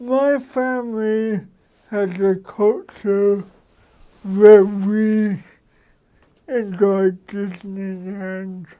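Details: Dysarthric speech from an adult man with cerebral palsy.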